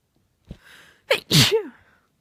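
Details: A woman sneezing uncovered in a long series of sneezes: a quick indrawn breath, then an explosive sneeze with a voiced trailing sound; a powerful sneeze.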